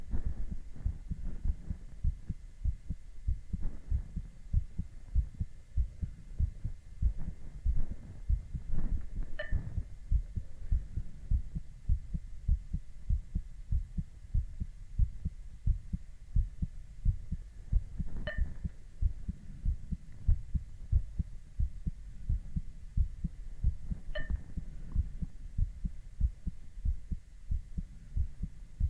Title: Male heartbeat EKG ECG with heart sounds